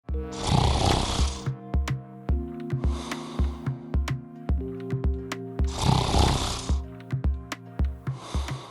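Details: Bed partner's heavy habitual snoring: loud, rattling snores with each breath, about four in the stretch, over background music.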